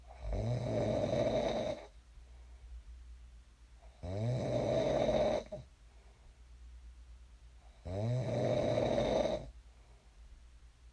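Loud, rattling snores on each breath in, about 16 breaths a minute, with quiet breathing out between them: ordinary sleep snoring.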